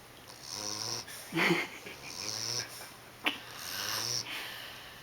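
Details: 11-week-old English Bulldog puppy asleep with eyes open: rhythmic snorting breaths with a whistling, wheezy edge: snoring.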